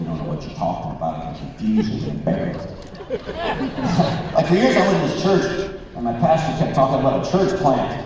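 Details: Man, a former Christian rock record producer, with incurable spasmodic dysphonia that began at the height of his career and progressively worsened until his voice was gone; vocal coaches and doctors did not help; disorder audible in his current voice: spasmodic dysphonia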